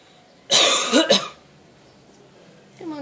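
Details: Parrot mimicking human coughing after hearing people cough: short harsh cough-like burst with a throat-clearing quality, imitated rather than illness.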